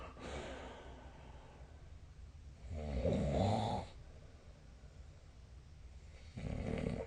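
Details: Snoring during sleep: a low rattling snore on inhalation, a quieter gap, then the next breath starting.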